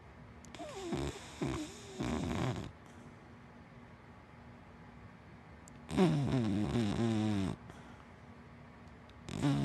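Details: Sleeping dachshund–black Labrador mix dog snoring: rattling, low snores on each breath with quiet pauses between them, ordinary snoring.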